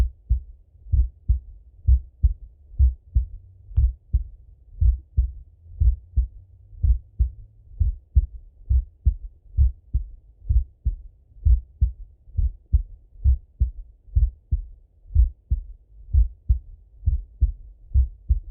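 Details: Male full heart auscultation, recorded partly sitting at a desk and partly lying in bed: steady low thumps in clear lub-dub pairs, about 65 beats a minute, no extra noises; normal heart sounds.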